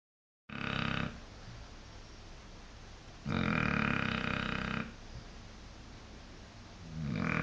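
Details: Rough, rattling snores from a blue Shar Pei dog, snorting on each breath in about every three seconds, with quiet breaths out between.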